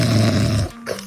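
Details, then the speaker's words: A single low, rumbling snore under a second long, then near silence; the snorer's snoring was a serious problem before trying a magnetic nasal dilator band. "入力のせいで異婚まで考えましたがついに解決策を見つけました。"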